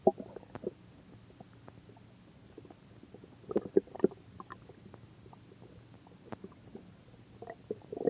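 Scattered gurgles and rumbles against quiet, louder bursts near the start, middle and end: ordinary stomach growling from gas and fluid moving through the gut.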